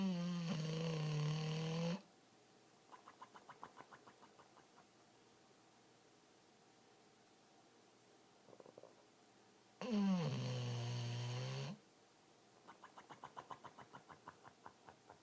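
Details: A sleeping rescue American Bulldog snoring: two loud, rough, low snoring breaths about eight seconds apart, with quiet snuffling between them.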